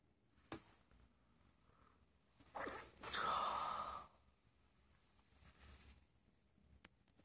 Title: 打噴嚏 sneeze in school